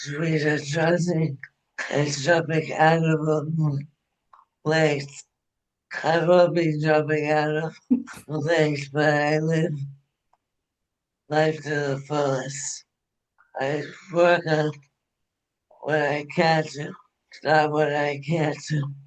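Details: Dysarthria in an adult woman, former anesthesiologist, with ALS diagnosed February 2021, onset with hand weakness and swallowing trouble; now ventilator-dependent, which she says also makes speaking difficult.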